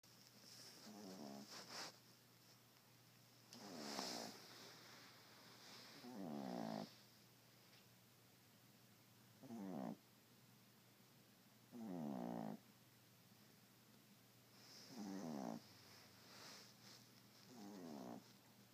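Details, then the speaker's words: Sleeping poodle snoring: soft, buzzy snores at irregular intervals, about 20 a minute, in a quiet room; snoring. "You done with that snoring? You done?"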